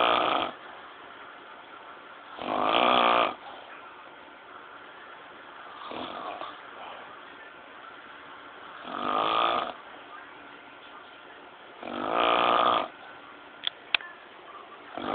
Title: snOring mOnSter